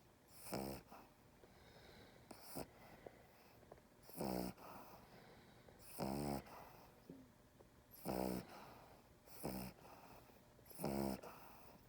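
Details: Small dog snoring while held in someone's arms, labelled an inverted reverse snore: loud rattling snorts with each breath, about six in twelve seconds.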